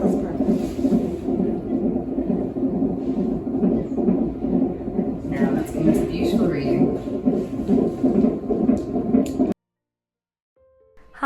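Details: Fetal heart on a CTG monitor during hospital pregnancy monitoring, recorded alongside contraction and maternal pulse tracking: fast whooshing, galloping pulses at about 130 beats a minute, then abrupt silence. A normal fetal heartbeat.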